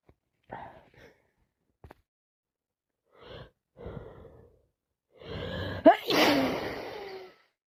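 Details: Sneezing with a wet head cold: several gasping, catching breaths build up to a forceful sneeze; constant sneezing.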